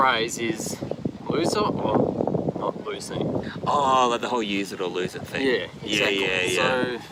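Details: Adult male speaker; speech.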